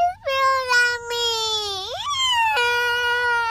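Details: Young daughter crying after a llama sneezed on her face while feeding animals at a wildlife safari: sustained, tonal wailing with rising and falling pitch, an upset cry.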